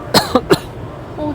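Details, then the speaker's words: Three short, sharp acted coughs from an adult with a brief voiced sound at the end, dramatizing air-conditioning sickness after moving from cold air-conditioned rooms into the heat. "그러다가 또 더운데 오니까 오히려 기침이 나네"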